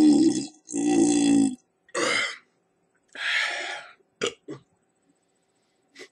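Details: Adult chugging a Four Loko, then four loud voiced burps in a row followed by a few short softer sounds; burping.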